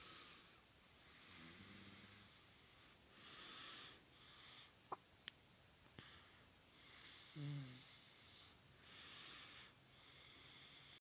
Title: Sleep and snore 012314